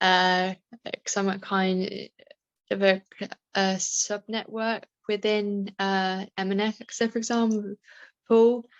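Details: Adult woman with a self-reported stammer, speaking in real life; stammering.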